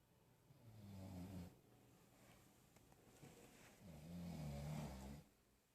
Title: Caught sleeping! Snoring... A must see